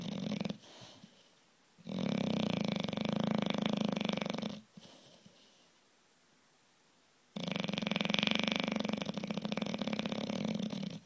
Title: Beauregard the Bulldog snores